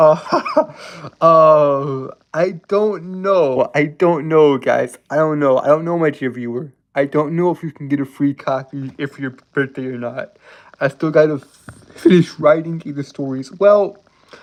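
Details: Adult male with a self-described severe speech impediment causing stuttering; this stretch has word and phrase repetitions. Finding: stuttering.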